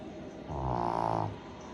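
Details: A single low, rattling, vibrating breath lasting under a second from a Shih Tzu dog napping, heard against quiet room noise: snoring.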